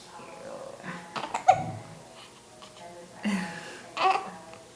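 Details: Baby boy making quiet vocal sounds, with several brief, abrupt catches of breath at irregular gaps and soft room noise; big hiccups.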